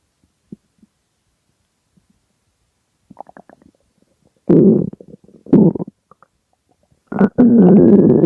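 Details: Extremely hungry stomach growling (borborygmi): gurgling, rumbling growls in irregular bursts, typical hunger-related bowel sounds.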